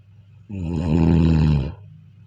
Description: النوم والاستماع إلى صوت الشخير ، والنوم جيدا ، والاستماع إلى صديق للنوم.